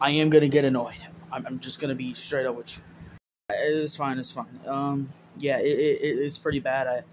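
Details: Acted stuttering by a young man in a comedy sketch, in which his character states he has a stuttering problem.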